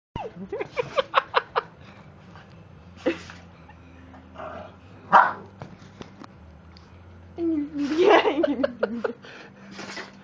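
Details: Brindle female Boston Terrier sneezing, smashing her face on the floor so each impact triggers another sneeze: several short, sharp nasal bursts with a few snorts between; repeated sneezing.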